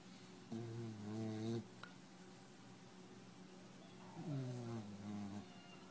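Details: A sleeping white boxer puppy gives two drawn-out, whining, rumbling snores a few seconds apart: ordinary harmless snoring.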